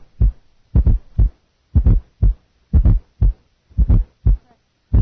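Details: Fourth heart sound heard with the stethoscope bell held lightly, then pressed firmly, which makes the S4 disappear; nursing heart-sound assessment teaching recording.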